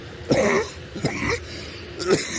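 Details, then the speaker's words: Adult man with a chronic cough and breathing problems, worst over the last 24 hours, following a cold; sucking a lozenge while out walking: cough. "And uh I'll definitely go and see my GP when I get back to Oz, but I just can't shake this cough."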